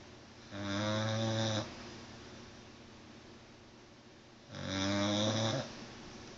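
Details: Pit bull dog snoring very loudly: two loud, buzzing inspiratory snores about four seconds apart, quiet breathing between; snoring.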